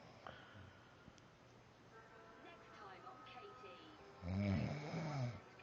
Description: my husband makein the house shake with his snoring